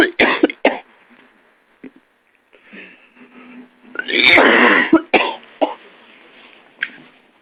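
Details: Several sharp, harsh coughs at uneven intervals, including one long, rasping bout with throat clearing midway; an adult cough, presented as a sound effect.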